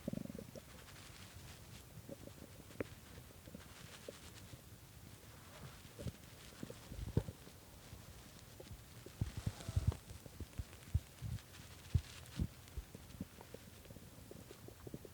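Low gurgles, rumbles and scattered pops from the belly over a quiet background; hunger stomach growling, a normal finding.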